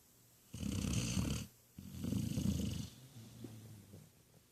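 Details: Sleeping puppy snoring: two rough, rumbling snores on breathing in, each about a second long, then a quieter breath out.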